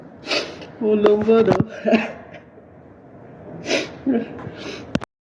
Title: LET'S TRY🤣 Sneezing with eyes open #funnyshortvideo #sneeze #funnyvideo